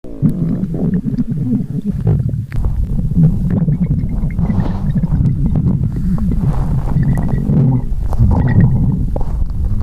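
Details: Empty stomach growling: loud, continuous low gurgling and groaning rumbles from the belly; normal gut activity; stomach growling (borborygmi).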